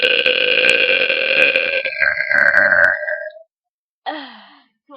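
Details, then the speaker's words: A girl burps again on request after drinking and swallowing air: a long, loud, drawn-out belch with a rough vibrating tone, then a shorter second belch after a pause; voluntary burping. "So I have to burp again? Yeah. Hang on. Okay. Get some air."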